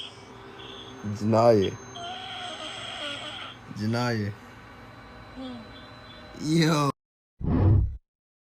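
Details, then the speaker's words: Female snoring during sleep heard over a phone call: three loud, groaning, voiced snores with rising pitch a few seconds apart; heavy snoring, normality questioned. "never going to sleep. I'll TP with her again. Is this type of snoring normal?"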